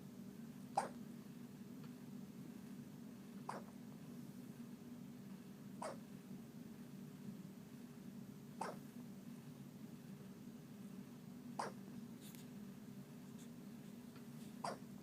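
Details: Faint sharp hiccup clicks recur about every three seconds over a steady low hum; little hiccups, apparently in a small animal.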